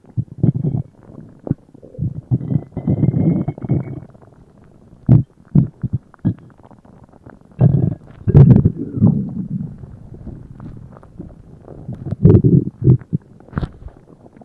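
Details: Loud stomach noise after eating: low gurgling rumbles in repeated bursts, ordinary bowel sounds (borborygmi) from active digestion.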